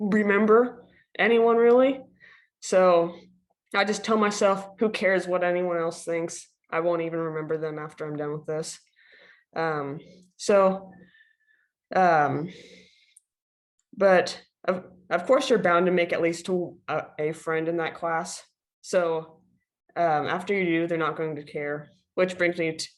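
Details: Female who stutters, speaking as a panelist among people who stutter; she went online at the end of freshman year. Finding: stuttering.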